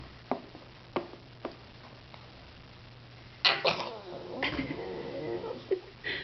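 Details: A baby imitating a sneeze: a few soft clicks, then a sudden explosive sneeze-like burst followed by breathy voiced noise, a fake sneeze.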